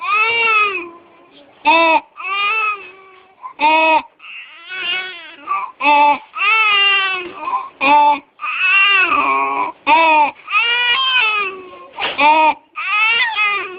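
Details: Stridor in a crying infant: high-pitched, harsh noisy breaths between cries, consistent with upper airway narrowing.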